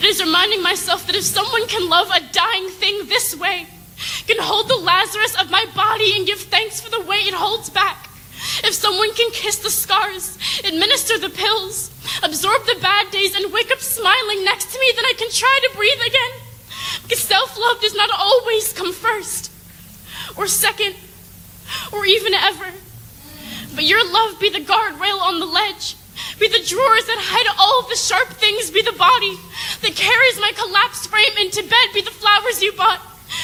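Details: Adult woman reading; no disorder.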